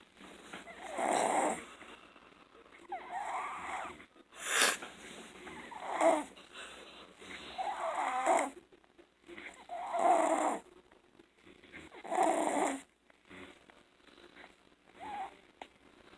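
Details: Sleeping 21-month-old girl, born premature, recently hospitalized with left-lung pneumonia and viruses, snores loudly and raspily, about seven harsh vibrating breaths in sixteen seconds; caption states severe sleep apnea and enlarged tonsils.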